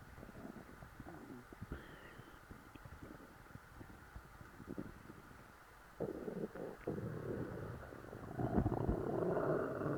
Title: stuffed stomach growls